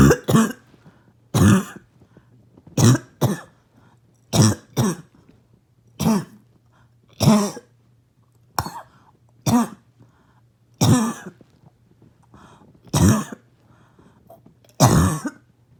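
About twelve harsh, barking coughs, some coming in pairs, with a steady low hum in the background; a barking cough.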